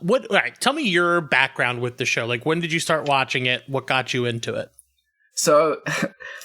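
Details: Adult speaker; normal voice.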